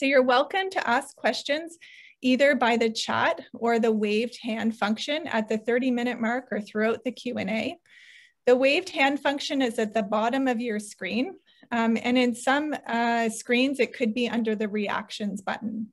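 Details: Adult woman speaking; Normal speech.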